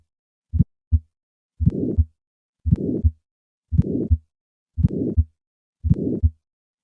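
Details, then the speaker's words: Simulated heart sounds of a bicuspid aortic valve at about 57 beats a minute: one normal beat, then a crisp early systolic ejection click, then a harsh systolic ejection murmur added. "Listen once again to the sound of a bicuspid aortic valve. I will start with 3 normal beats, and then add the ejection click, and finally the murmur."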